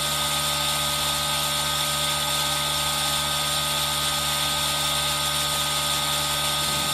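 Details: Aerosol nebulizer running, recorded with a Zoom H1n for ASMR relaxation: steady high-pitched mechanical hiss and hum, with rain sound layered in.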